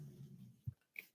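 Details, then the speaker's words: Dog sleeping in the background during a live stream: faint, low rumbling snore, followed by a soft thump and a brief click; snoring. "you can hear her in the background she's snoring"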